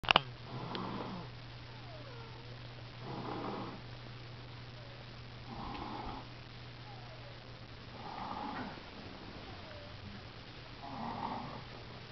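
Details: Soft, rhythmic snoring, about five breaths in twelve seconds, over a steady low hum.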